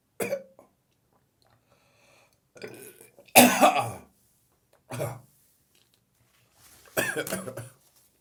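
Five harsh, wet cough and throat-clearing bursts with strained, retching-like sounds, fitting a morning cough with gagging.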